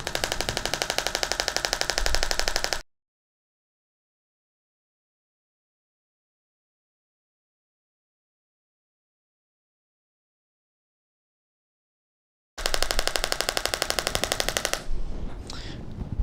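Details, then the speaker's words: Shockwave (acoustic wave) therapy applicator on a patient's knee: fast regular rattling clicks, about four per second, in two bursts with a long silent gap, as compressed air drives a steel rod against the applicator head. "so when we apply this therapy there's a steel rod on the inside of the device the compressed air shoots that rod forward and it hits the back of the applicator head"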